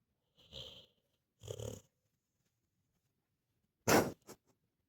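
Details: Two soft, rough snoring breaths during sleep, then a louder snort, from a sleeping dog after a rough day; snoring.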